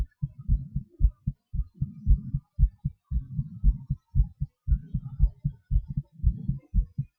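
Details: Own heartbeat during breath-holds and hyperventilation (panting): low, regular heart thumps at roughly 115 beats a minute, paired beats with slight shifts in spacing; normal heart sounds with rate variation.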